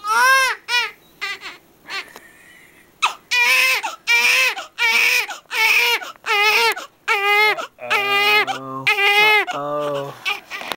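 Repeated high-pitched newborn cries and whimpers in short bursts with brief pauses: ordinary crying of a first-day baby.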